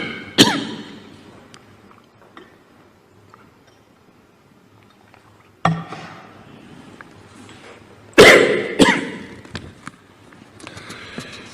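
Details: Coughing attack during a speech: about four sharp, forceful coughs in a short cluster, separated by quiet pauses; cough.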